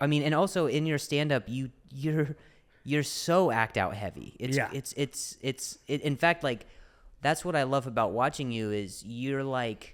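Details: Adult male comedian and podcast host who stutters, speaking in conversation; stuttering.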